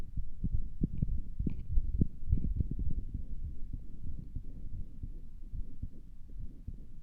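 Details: Self-recorded adult heart sounds through a stethoscope that sounded weird to the person: muffled low thumps, fairly fast at roughly 110 a minute, with rubbing noise; a possible murmur is unclear and unconfirmed.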